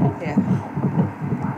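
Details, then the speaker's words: Rapid rhythmic whooshing pulses of a fetal heartbeat on obstetric ultrasound, much faster than an adult heart, as the fetal heart is seen beating. "Vous pouvez voir le cœur battre. Je peux l'entendre ? C'est merveilleux."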